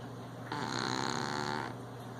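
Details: Snoring: one drawn-out, buzzing, fluttering snore lasting about a second, over a steady room hum.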